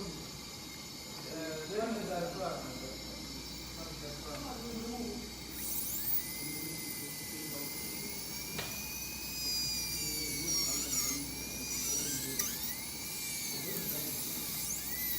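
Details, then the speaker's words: Dental high-speed handpiece in a Class 5 (cervical caries) cavity preparation at the tooth neck, connecting depth-setting punch holes into a uniform-depth cavity. High whine rising and falling in short bursts, with quiet talk and room noise underneath. "so here I will prepare a point say one or some ranges now I have a three punch holes and I will try to connect those"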